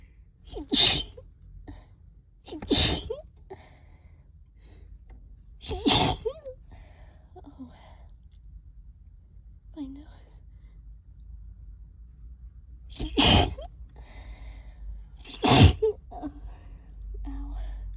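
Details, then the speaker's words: Bout of five forceful allergic sneezes in a row with quiet breaths between, triggered by cleaning a trap; sneezing fit that hurt the throat. "Oh, excuse me. Oh, excuse me. God, I can't stop."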